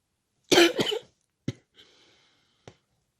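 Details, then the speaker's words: Adult woman with a hoarse, cracking voice, trying not to cough because heavy coughing makes her head hurt, gives a strong double cough, a soft breath, then a small final cough; cough. "J'essaye de pas tousser, vraiment, hein, parce que... Le problème, c'est que si je tousse trop, après, c'est la tête qui va prendre."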